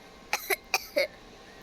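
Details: Coughing from a gamer who is sick, recorded during game commentary: four short, sharp cough bursts in close succession, a brief dry coughing fit over quiet room noise.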